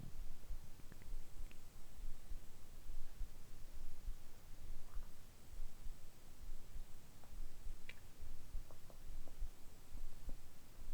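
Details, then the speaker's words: Stomach sounds recorded just after eating soy-sauce and nori rice dumplings: soft low gurgles and faint scattered clicks over a steady hiss; ordinary bowel sounds after a meal. "それではもう少しお腹の音をお楽しみください。"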